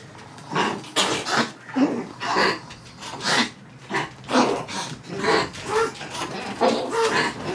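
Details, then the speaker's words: Repeated harsh, honking coughs in quick bursts from a group of dogs, including older dogs and dogs with heart conditions, in a recording dated January 28, 2015. Most of the dogs have been coughing for a week to 10 days, consistent with kennel cough. "This has been going on with different dogs on and off. Most of the dogs are still coughing from 10 days ago, a week ago."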